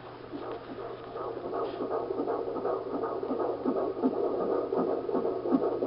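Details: Fetal heartbeat on Doppler at 13 and 18 weeks of pregnancy: rapid, regular whooshing at about 160 beats a minute. Normal fetal heart rate.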